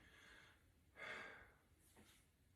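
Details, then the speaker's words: Male, stethoscope diaphragm on chest during a deep breath in and out: soft rushing airflow, bronchovesicular upper chest, vesicular over lung fields, clear and equal bilaterally, no wheezes or crackles; normal breath sounds. "he does have bronchovesicular sounds um in his upper chest and then um vesicular sounds over the long fields his lungs are clear and equal to auscultation bilaterally"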